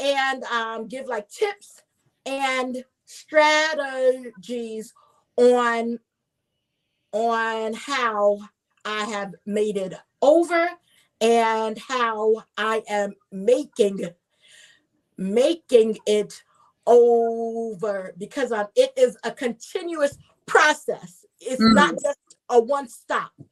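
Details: Adult woman, self-identified stutterer who reports getting stuck on words, also a traumatic brain injury survivor; word repetitions heard; stuttering.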